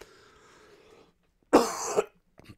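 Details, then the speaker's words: Adult coughing after a hard run that opened up his lungs, a usual post-run cough, stated not to be COVID: a single harsh cough burst after quiet, followed by a faint second sound. "i really opened up my lungs today and uh and i've been paying for it all day long um with coughing um like i normally cough anyways for a little bit after a run especially if it's like a decent run"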